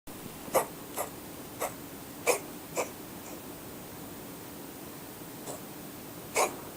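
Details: Siamese cat sitting on a fan heater with its tongue out, giving an unusual cough: about seven short, sharp, dry coughing bursts at irregular intervals over a steady room hum.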